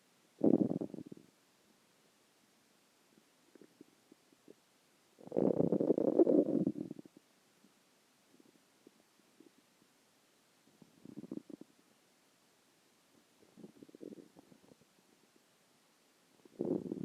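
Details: Stomach growling: low gurgling rumbles in irregular bursts over a quiet background; ordinary bowel sounds (borborygmi).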